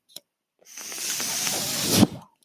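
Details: A single airy rushing hiss builds for about a second and a half, then stops sharply: one breath cycle from the home mechanical ventilator of a podcast host who breathes with a ventilator.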